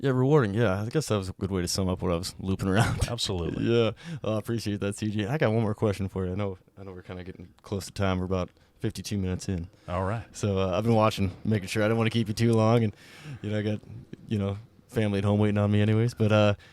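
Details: Adult male speaker; Normal speech.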